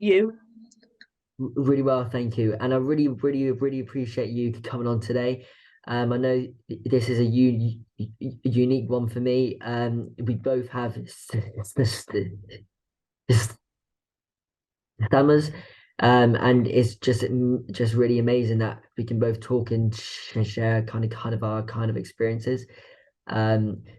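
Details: Adult woman with a stammer that involves blocks and anticipation before speaking: stammering.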